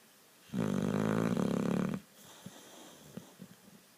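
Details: Sleeping female boxer dog giving one long, very loud, rumbling snore of about one and a half seconds, then quiet breathing; ordinary dog snoring.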